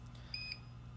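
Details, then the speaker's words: Compressor pump of a Salute RDX alternating pressure/low air loss mattress: a brief high electronic beep, the power failure alarm that sounds whenever power to the unit is cut, including improper rocker-switch shutdown. "so you heard the power failure alarm go off a second ago anytime that the power is cut to the unit included if you turn it off and properly which is just turn it off from the from the switch instead of from the control panel itself that power failure alarm will go off"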